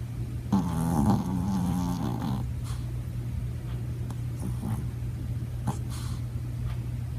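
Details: Sleeping dog snoring: a rattling, growly snore over a steady low rumble, followed by softer breathing noises.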